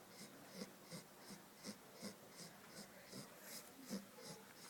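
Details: Fast, light, rhythmic snuffling snores from a sleeping 2-month-old Labrador puppy, roughly two to three breaths a second.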